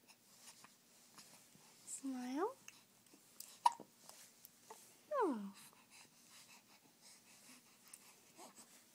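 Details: Infant gives two brief squeaky voiced hiccups about three seconds apart in a quiet room: hiccups.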